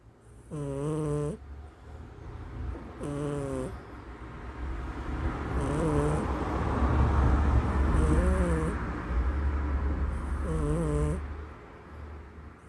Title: My cat snoring.